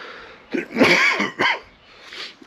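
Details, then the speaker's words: An adult with COVID-19, with loss of smell and reduced taste, gives two harsh, forceful, strained, rattly coughs in a small room; each cough feels like breaking a rib. "in the coughing it feels like you're breaking a rib each and time like you do it"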